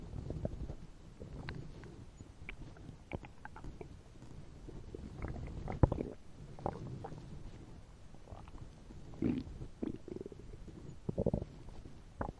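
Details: Animated, fictional robot character's upset fuel tank (stomach) while lying down: low, bubbling gurgles and rumbles coming and going throughout, simulated stomach rumbling.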